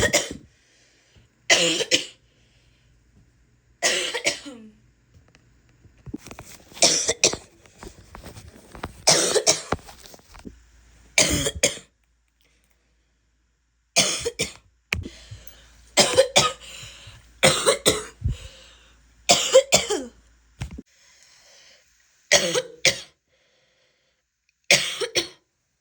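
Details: Barking cough from an adult woman: repeated harsh, explosive coughs with a barking quality, separated by quiet pauses.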